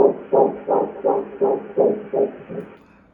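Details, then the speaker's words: First-trimester ultrasound at the doctor's office, with the baby's heartbeat played: fast, regular whooshing fetal heartbeat pulses at about 165 beats per minute. "and then the doctor played the heartbeat for us and we could hear our baby's heart that was too much for the first time in our lives"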